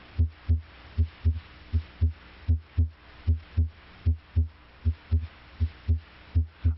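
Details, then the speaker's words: Normal heart sounds in a teaching recording: steady lub-dub at about 80 beats a minute with clear paired S1 (mitral valve closure) and S2 (aortic valve closure). "closure of the heart valves creates a pair of audible heart sounds the first sound s1 arises from closure of the mitral valve bicuspid valve closure may also contribute to s1"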